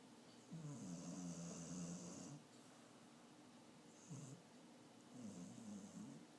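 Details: Old dog asleep with active dreams: soft whining and groaning breaths with a faint snore in a noisy room; snoring and sleep sounds while dreaming.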